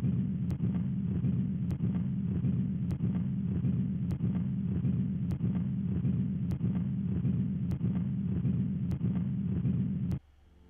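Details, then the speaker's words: Simulated continuous machinery murmur of patent ductus arteriosus: a loud low rumbling murmur through systole and continuing through diastole, masking S2. "Go ngunanguna go tšwela pele go duma go ralala le diastole."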